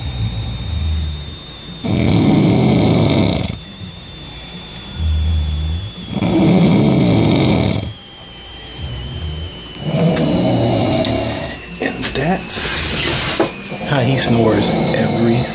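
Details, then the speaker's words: Adult man snoring loudly in his sleep, as he does every night: loud, rumbling snores, about four in 15 seconds, with quieter breathing between them. "single night I have to live with this guy but he's cool but this is how he sleeps and he snores that loud every night"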